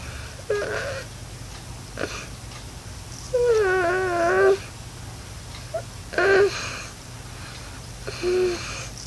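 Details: An infant girl's noisy breathing of unknown cause, with advice sought. Repeated high, squeaky, whistling noises on the breaths over a steady low room hum.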